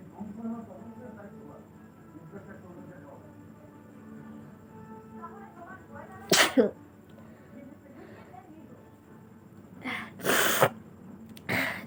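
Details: Sneezing and nose-blowing challenge using a dupatta: three acted sneezes, two loud and sharp, over background music and quiet talk.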